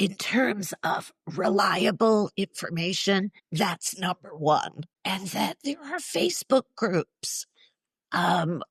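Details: Woman in her mid-60s with neurological (basal ganglia) spasmodic dysphonia plus essential tremor, especially affecting vowels, treated with Botox injections to the vocal cords; spasmodic dysphonia.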